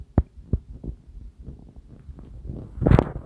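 Low thuds and bubbling gurgles, then a louder rumbling gurgle at the end: ordinary digestive rumbling.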